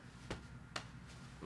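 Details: Joint cavitation pops during a full-body chiropractic adjustment by a chiropractor: a twisting spiral manoeuvre at the level of the 12th rib, where the diaphragm attaches, with the pelvis rotated. This is part of a demonstration sequence adjusting every joint.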